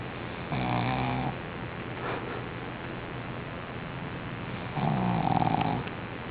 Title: Snoring Pug